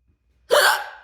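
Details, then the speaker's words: Adult's ongoing hiccup spell, which started after a weird inhale technique or a burp while filming: a single abrupt, voiced hiccup with a sudden catch of breath. "I feel like I'm talking to myself you know so it's kind of weird anyway yeah here we are with the hiccups again"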